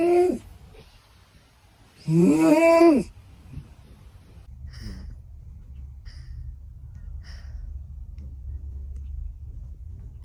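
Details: Sleeping cat that snores like a human: one strong, voiced, humanlike snore, then softer breath noises over low room hum; snoring.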